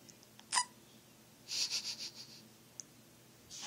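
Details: Infant girl with hiccups, as she had in the womb: a sharp squeaky hiccup, then a short run of soft high catches in a quiet room.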